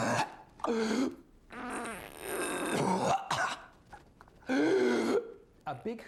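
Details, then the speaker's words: Simulated whooping cough (pertussis) demonstrated by a man: bursts of rapid staccato coughs, each run ending in a long, drawn-in whooping breath. "would you demonstrate hooping cough what or it's a staccato cough with a big hoop at the"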